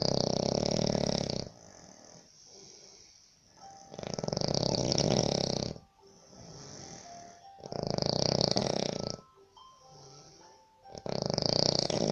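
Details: Sri Lankan person snoring in a labour camp room in Baniyas, Abu Dhabi, disturbing roommates: loud, rough snores in three long bursts with quieter breathing between, about one every three to four seconds; heavy snoring.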